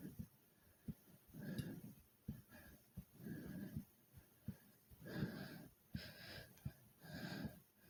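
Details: Hard breathing with heart beating fast after doing 30 jumps in place: heavy breathing after exercise.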